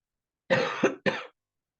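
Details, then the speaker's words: Two short, dry, forceful coughs in quick succession, imitating the unproductive cough of asthma, where the bronchus is narrowed and the mucosa inflamed and nothing is brought up: dry cough. "En este caso, también es muy similar. ¿Muy similar en qué sentido? Va a intentar sacar. Obviamente no lo va a lograr. No lo va a lograr porque no es que haya algo, sino que obviamente es que está el bronquio cerrado y la mucosa inflamada."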